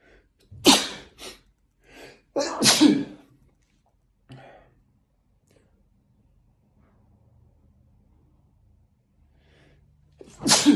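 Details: A run of sharp, explosive sneezes with quick inward breaths between, triggered by a nasal swab during a COVID test.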